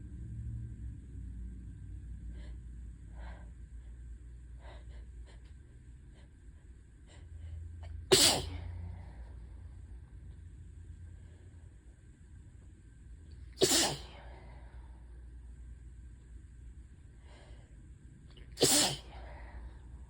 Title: Hitchy, teasing sneezes pt. 1 (tease at the end!)